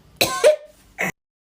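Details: Child pretending to be sick to skip school, giving a brief, deliberate two-part fake cough followed by a short burst, acted for comedy; feigned cough.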